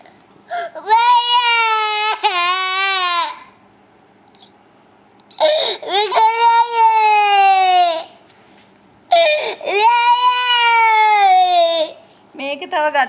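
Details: Baby crying: three long, loud wails, each a few seconds long, separated by short breathing pauses; ordinary infant crying.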